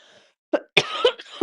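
An adult gives a short burst of two or three dry coughs, brief and forceful, in a quiet room.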